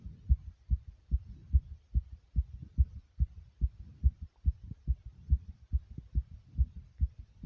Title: Heartbeat Sound Effect Fast❤